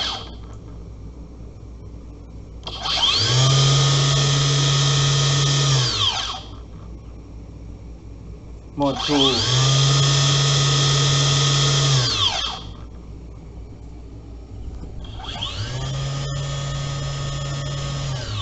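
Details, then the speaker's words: Homemade 3D-printed simple ventilator (SV-79; brushless N2830 motor, 20A ESC, 3S Li-Po 12.6 V) in CPAP-E mode at pressure levels 1, 2 and 3: loud motor whine rising, holding a few seconds, stopping, repeating at changing levels. "Simple ventilator. CPAP-E level 1, level 2, level 3."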